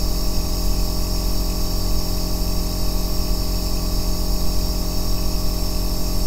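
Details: Aerosol nebulizer compressor running, recorded as deep-bass white noise for sleep and relaxation: a deep, even mechanical hum with a soft hiss and slight whine.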